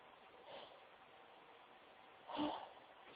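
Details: Sneezing into tissues: two muffled bursts of air in a quiet room, the second louder, caught or partly caught in a tissue.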